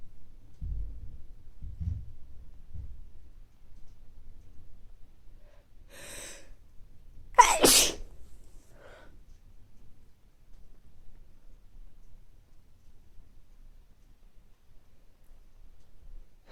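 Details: Soft sniffs, quick in-breath, one sharp explosive sneeze, then quiet breathing, from an adult with recurring mild colds over recent weeks, nose not very stuffy but feeling sneezy; sneezing.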